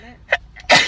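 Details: A girl taking a Covid-19 nasal swab test: quick in-breaths building to a sudden explosive burst, a sneeze set off by the nasal swab.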